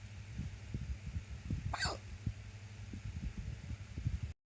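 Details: Randomly occurring hiccups: a single brief, high, squeaky hiccup over low rumbling room noise.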